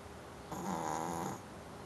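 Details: Dog snoring.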